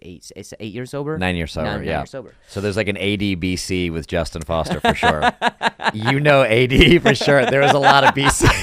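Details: Adult male speaker; typical speech.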